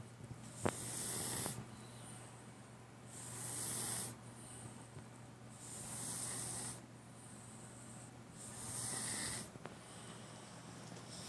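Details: Sleeping cat snoring: soft hissing snores, one roughly every 3 seconds (about 20 a minute), over a steady low hum.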